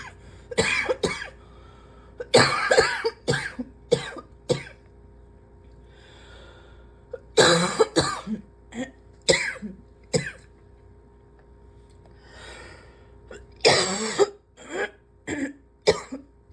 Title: #72 - more of this gross cough